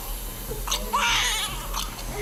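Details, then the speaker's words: Newborn boy crying while being delivered by C-section, before fully out, after a blood test hinted at spina bifida (found not present); brief high-pitched wavering cry against low hum; newborn cry. "You're not supposed to cry until you come out all the way."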